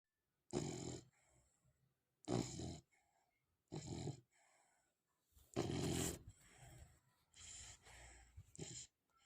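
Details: Dog snoring for the first time, rough human-like snores on each breath about 35 per minute with softer exhales between.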